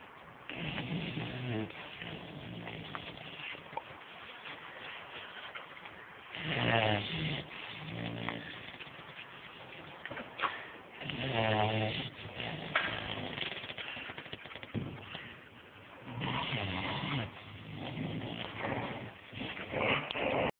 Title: Snoring bulldog